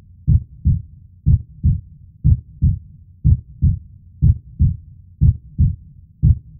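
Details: Steady, regular lub-dub heartbeat at about 60 beats a minute, deep and quiet, with a normal rhythm; relaxation heartbeat recording.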